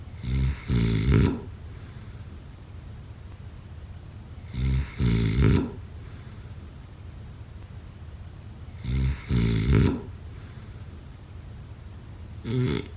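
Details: Rough, two-part snores on each breath in, roughly every four seconds, with steady background hiss; snoring during sleep.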